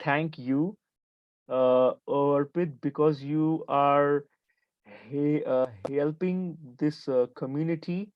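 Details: Stuttering in a 28-year-old man who identifies as a person who stammers.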